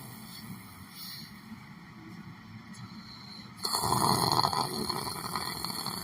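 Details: Person sitting down, possibly meditating or sleeping: a loud, harsh, rattling snore breaks in after a few seconds of quieter room noise.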